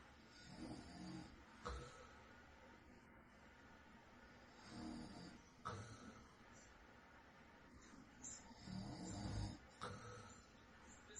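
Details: Woman's recording of her adult husband snoring in real night-time sleep: soft, low snores on the in-breath about every four seconds over faint room noise; mild snoring.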